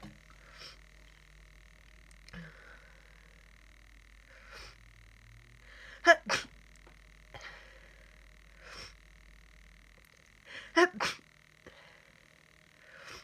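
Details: Person sick with a cold, with nose blowing, sneezing fits and sniffing: two sharp double sneezes with softer sniffs and breaths between them, in a quiet room.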